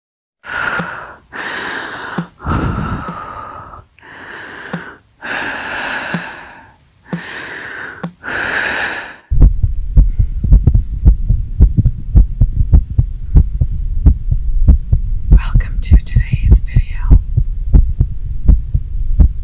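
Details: ASMR rapid heartbeat (tachycardia) accompanying a dramatized story about a dying girl: heavy, harsh breaths give way to a fast, steady train of deep, low heart thumps.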